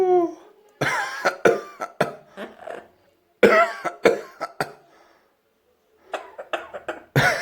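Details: A 9-month-old Amazon parrot that has just learned to cough gives three bursts of sharp, human-like coughing, an imitated cough rather than a sign of illness.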